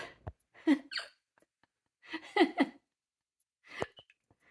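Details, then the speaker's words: A person hiccups while watching TV with a pet parrot, whose eyes pin in response: brief, abrupt, clipped gulping hiccups a few seconds apart, mixed with soft squeaky bird noises. "I have the hiccups so when I hiccup uh it makes his eyes go uh Freedom what is it called a pairot SI go in and out it's called pinning"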